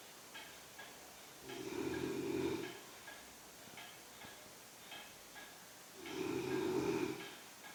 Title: BEAST snoring woman